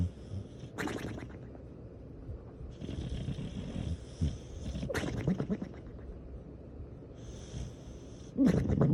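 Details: Sleeping dog gives low, rumbling snoring breaths broken by sharp, whistly snorting bursts, an exaggerated cartoon-like snore.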